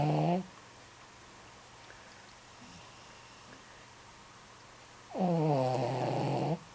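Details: 14-year-old male Shih Tzu in deep sleep; two loud, rattling snores, each on a breath in, with quiet breathing between them in a still room: snoring.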